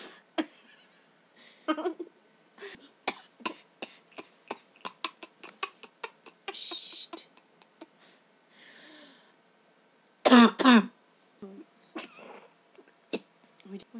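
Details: A cough from one of two companions at a sleepover, said to have a cough.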